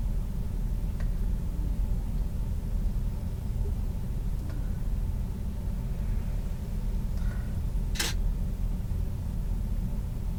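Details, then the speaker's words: A real nurse auscultates an adult model's iliac arteries with a stethoscope, after the aorta and renal arteries. A steady low rumble with no whooshing bruit is heard: a normal finding. "okay I didn't hear any breweries um Fair which is a good thing okay so I think this concludes the auscultation piece we've listened and we didn't hear anything unusual"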